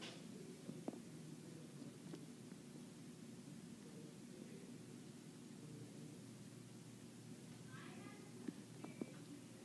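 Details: Soft abdominal recording with a few brief clicks and short gurgles over steady low background noise, typical bowel sounds.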